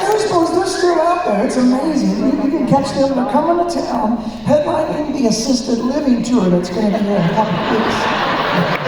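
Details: Man with incurable spasmodic dysphonia that developed at the height of his career, audible in his current voice: spasmodic dysphonia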